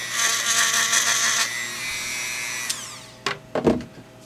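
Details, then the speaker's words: High-pitched whine of a dental handpiece lowering the left side of a mouth splint for a 22-year-old with Tourette syndrome since age seven, spinning down, then brief clicks: dental handpiece grinding an oral appliance. "so I'm going to lower this left side here"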